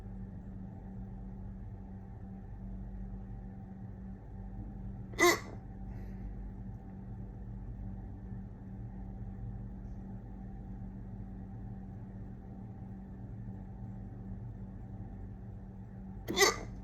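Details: Two sharp, loud hiccups about eleven seconds apart over a steady low room hum; a really full bout of hiccups.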